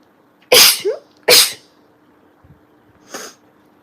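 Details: Compilation of girls' sneezes: three sharp explosive sneezes in quick succession, the last softer, with a brief vocal sound after the first.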